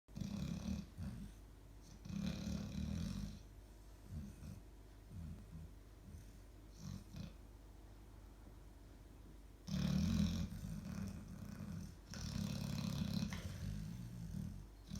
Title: When your baby snore like a dragon😁